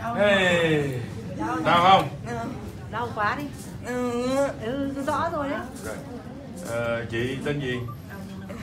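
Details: Adult practitioner speaking Vietnamese, possibly with another voice; normal speech.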